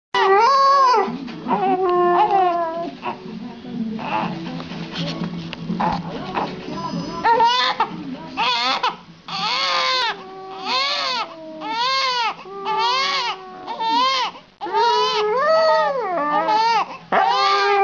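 A baby cries in repeated rising-and-falling wails while a dog howls along in long tonal notes.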